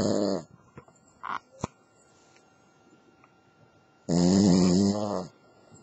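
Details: Cavalier King Charles Spaniel (female) snoring while asleep: two short, low, buzzing snorts separated by a few seconds of near silence with faint sounds; dog snoring.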